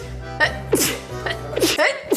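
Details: Young girl with bad allergies, saying she feels sick and needs a tissue, sneezes three or four times in quick succession over background music: allergic sneezing.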